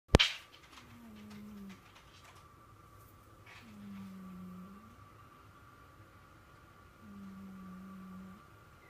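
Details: Sleeping cat, Jinx, snoring: three low buzzing snores about every three seconds, roughly 20 breaths a minute, over a faint room hum after a click.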